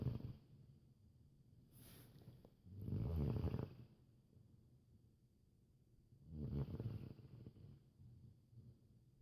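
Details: Snoring from a sleeping person, who afterwards stirs and is told to go back to sleep.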